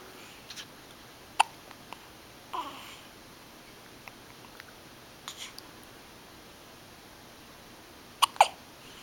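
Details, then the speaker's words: Young child having several brief, sharp, isolated hiccup catches of breath, about five in nine seconds, in a quiet room; hiccups. "You got the little hiccups, don't you?"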